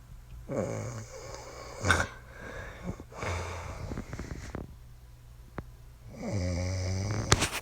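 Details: Wife snoring: deep, buzzing snores on three inward breaths, with quieter, rougher breaths between them in a small room.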